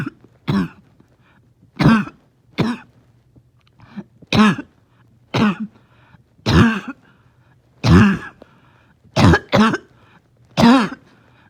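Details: In the morning, finding it hard to rest: about ten harsh, honking cough bursts in quick irregular runs, a barking cough; no clear wheeze stands out between bursts; harsh honking cough.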